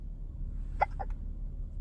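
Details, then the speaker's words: Baby boy with hiccups: a short, abrupt little catch in the throat over low room hum; a single hiccup. "Hi, Hiccup boy."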